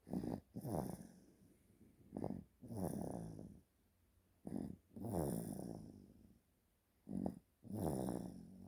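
Short snort on each breath in, then a longer rattling snore on the breath out; loud snoring during sleep, about 23 sounds a minute.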